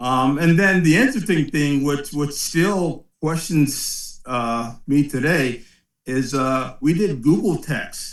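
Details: 56-year-old man with aphasia after a 2013 ischemic stroke at the back of the brain affecting balance, strength and speech; words unintelligible at onset, still impaired twelve years later, volume and enunciation dropping late in the day with some slurring; aphasia.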